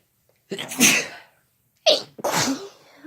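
Two loud, sharp sneezes in quick succession, each a brief in-breath then an explosive burst; ordinary sneezing.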